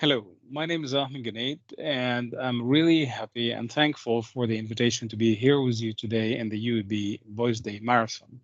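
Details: Adult male; typical speaker.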